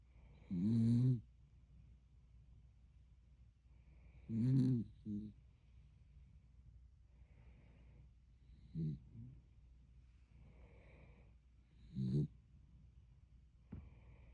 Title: Snoring dog #zzzz